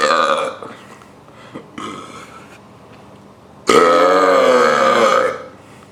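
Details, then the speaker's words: Deliberate burps in a how-to-burp demonstration, made by swallowing air and then releasing it: a short burp, then a long, drawn-out voiced belch of nearly two seconds; burping. "today I'm going to show you how to burp step one take air to your throat to your stomach step two let it out for best result stand up it will be easier for the air to pass"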